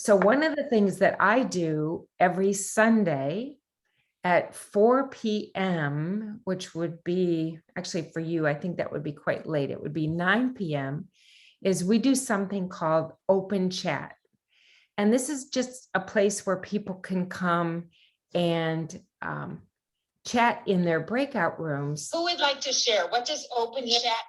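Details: Adult woman speaking; ordinary speech.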